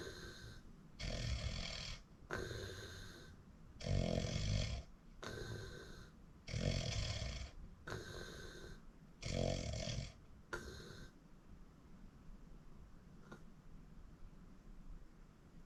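Loud, rough snores on breathing in, about seven in ten seconds and then fading, over steady room noise; habitual snoring.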